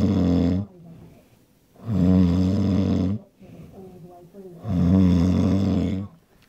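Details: Man asleep after drinking beer: loud, rough, rattling snores on each in-breath, two long snores with quieter breathing between, about 20 breaths a minute; snoring.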